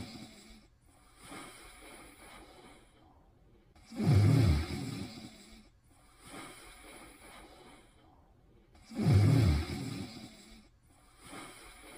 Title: Pimples' Cute Snoring in 40 seconds Pt. 2